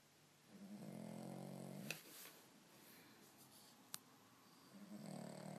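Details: Sleeping dog: low, buzzing snores about four seconds apart in a quiet room, with faint clicks between them; snoring.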